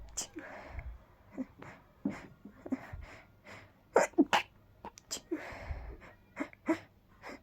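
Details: Person feeling very sneezy with tickly, fast-coming sneezes: a run of quite breathy, powerful, partly held-back sneezes, each a sharp burst of air with short breaths between. Repeated stifled sneezing.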